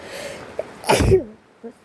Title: Rainy day sounds + sneezes cause I was sick haha #rainsounds #achoo #sneeze #sneezes #colds #flus